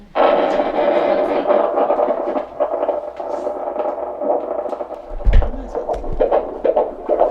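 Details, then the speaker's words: Fetal heartbeat heard at home with a handheld Doppler on the pregnant belly of a 33-year-old mother, sex unknown: steady whooshing hum with fast, rhythmic pulsing, then scraping as the probe shifts. "play this little game where they run away from the Doppler and see if you have to chase them to find the heartbeat."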